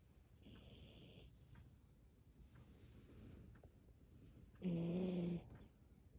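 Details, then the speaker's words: Miniature Pinscher dog snoring during sleep with eyes open: low rumbling breathing with a brief louder snort near the end. "you're snoring with your eyes open"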